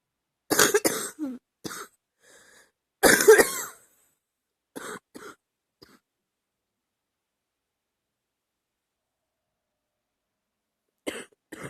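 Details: Clusters of short, harsh, throaty, loose coughs, then a long quiet gap before two more; a little chesty, productive cough during an illness last summer.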